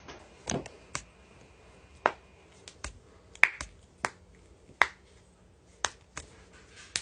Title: cracking joints